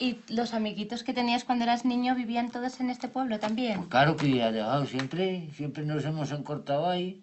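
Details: Adult speakers in conversation; no disorder.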